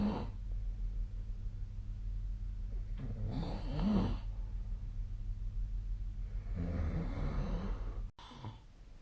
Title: 🐽 本日のイビキ / Snoring Sleep Sound 2025/02/11